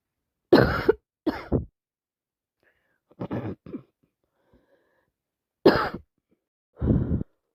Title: Cold has got worse , non stop sneezing and blowing with coughing